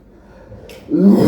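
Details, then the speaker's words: Simulated deep lung cough: a single deep, low, rough imitated cough demonstrating the cough of a lower respiratory tract infection, contrasted with airway coughs of COPD and asthma. "the third type of cough is from Deep lung which is difficult to do without infection of the deep lung but let me try"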